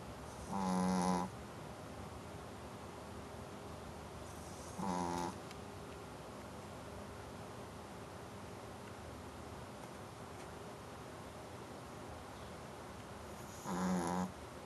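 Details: Pet snoring: three short, buzzy nasal snores several seconds apart over a quiet background.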